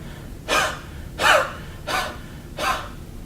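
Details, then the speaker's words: Four forceful open-mouthed breathy huffs without a true cough, demonstrating the huff-coughing forced expiration technique in a physical therapy cardiopulmonary class. "so patient I want you to start out by expiring as much area as you can but we're not going to cough so it's going to look something kind of like this"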